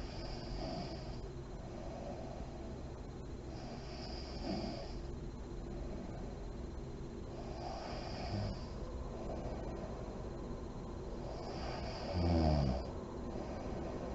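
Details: Sleeping mother in deep REM sleep, lights on: slow, soft breathing with a faint rasp about every four seconds and a snort near the end, light snoring.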